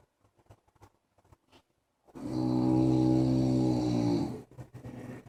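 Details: Sleeping French bulldog snoring loudly: a long, vibrating snore of about two seconds between quiet breaths, typical of a flat-faced dog.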